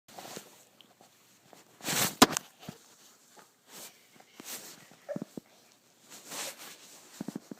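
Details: Cough.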